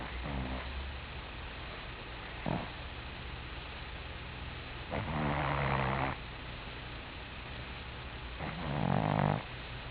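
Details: Alex the Cat, an elderly cat later deceased after a long life, snoring while asleep: three rough, rattly breathing noises, the last two drawn-out inhalations about every three seconds, over low room hum.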